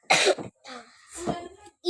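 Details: One loud, harsh cough burst, then softer breathy sounds and murmured voice: a child coughing while playing with a toy doctor set with a younger sibling.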